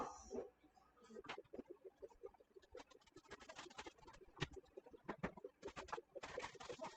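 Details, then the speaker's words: Doppler pulse signal from a cat under anesthesia (ketamine induction, isoflurane 2%), probe gelled and bandaged on the back leg: rapid, regular whooshing pulses, one per heartbeat, tracking her heart rate. "And then a bandage just to stabilize. And you can hear her heart rate through the Doppler."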